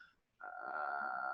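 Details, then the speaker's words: A man who once weighed 534 pounds, with sleep apnea he avoided having diagnosed, imitates the sustained, strained, croaking breath he made while sleeping. "i would take a breath in while i'm sleeping and let it out"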